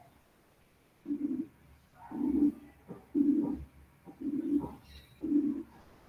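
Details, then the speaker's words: Simulated rough medium-pitched murmur built from a 180–460 Hz frequency band: short whooshing bursts about once a second, roughly 55–60 a minute, imitating the rough murmur of aortic and pulmonary stenosis. "Si tomamos una banda comprendida entre 180 y 460 ciclos, obtenemos el soplo áspero que asociamos con la estenosis aórtica y pulmonar."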